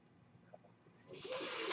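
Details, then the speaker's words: Steady rising hiss of air after a quiet moment: the speaker's own mechanical ventilator delivering a breath as he speaks. "my name is that noise you raised my ventilator"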